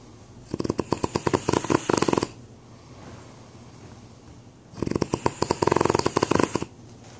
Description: Santa snores